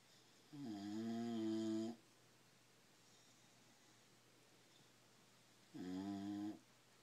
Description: Our bulldog snoring loudly